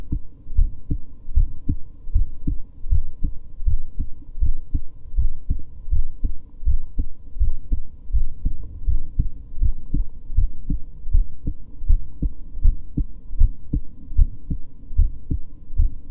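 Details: Steady low resting heartbeat at about 80 beats a minute with a faint background hum, from a woman who reports recently getting tachycardia again; normal resting heartbeat.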